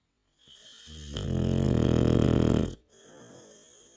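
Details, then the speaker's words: One loud, low, fluttering snore on a breath in, with softer breathing before and after; snoring. "Milo why you snoring"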